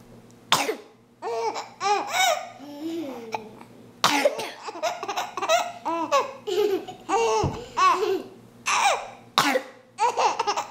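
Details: Older child giving a few sharp, deliberate, staged dry coughs on request; each answered by a 4-month-old infant's squealing, rhythmic giggles and babble.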